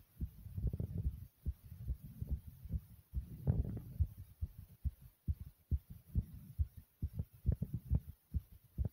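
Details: A person's own racing heartbeat: fast, muffled thumps run together at first, then slow to a normal pace with more separate beats.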